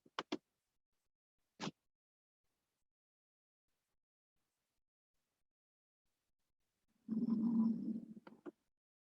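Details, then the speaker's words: Croup in an irritable child with suprasternal, supraclavicular and substernal retractions: several short, sharp explosive coughs and hoarse vocal sound, the seal-like barking cough. "vean ustedes acá para bueno más bien dicho vean y escuchen de acuerdo me ven como este paciente está irritable verdad está buscando para todas partes no encuentra como mucha interacción con la madre que la acompañe para vea acá la retracción súper externa supraclavicular sub externa y este sonido de foca"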